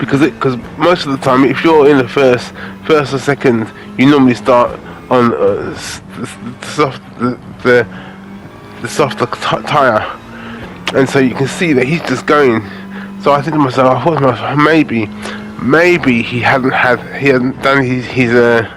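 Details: Adult man with aphasia after a major stroke in August 2013, doing gaming commentary to practise his speech; repetitions and fillers audible; aphasia.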